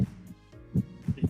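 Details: Simulated normal heart sounds at the pulmonic area, heard with a stethoscope on a virtual reality nursing simulation patient without chest pain: regular low lub-dub beats over a faint steady hum.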